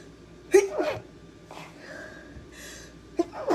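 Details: Compilation of women sneezing: two sneezes, each a sharp burst after a quick inward breath, with faint breathing between.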